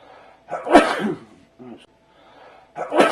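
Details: Sharp, explosive bursts of air with a short inward catch between them, with the recording sped up and slowed down: sneezing.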